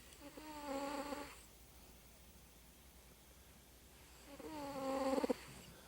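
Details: Light snoring from a resting cat, Newman: two soft, buzzing breath sounds a few seconds apart.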